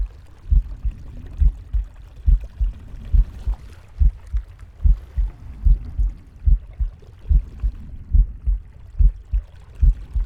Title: Captain Pig's heartbeat, breathing, and stomach growling